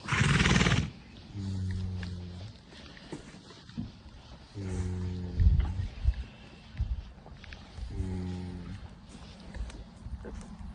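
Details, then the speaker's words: Horse snoring: deep, rumbling snores repeating about every three seconds, with a brief burst of noise at the start. "Braveheart, are you snoring? Oh my goodness. Oh, you poor baby."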